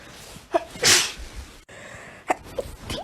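A single sharp, explosive sneeze with a quick breath before it, then some faint noises.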